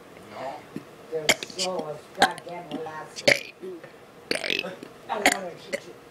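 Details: Male's first attempt at burping the alphabet, ending with X, Y, Z: voluntary burps shaped into letter sounds in quick succession; deliberate burping.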